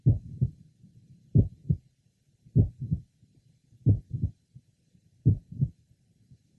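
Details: 22-year-old man with familial mitral valve prolapse, at the apex and left lower sternal border: slow heartbeat with a mid-systolic click introducing a late systolic murmur.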